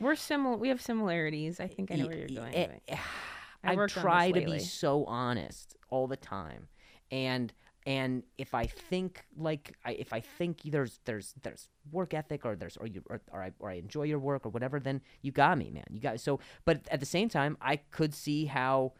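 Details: Stuttering in an adult male comedian with a known speech impediment, heard as word and phrase repetitions in podcast conversation.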